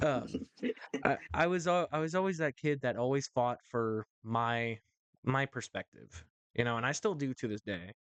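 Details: Adult male host who says his stuttering is worse when talking in front of a camera or to someone important; repetitions are audible; stuttering.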